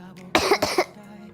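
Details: Two quick, harsh cough bursts from a young woman who mentions a sore throat, with faint room hum behind them.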